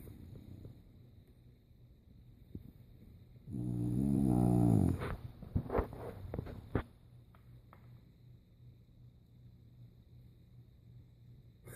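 One loud rattling snore followed by snuffling noises in a quiet room; snoring in a flat-faced dog.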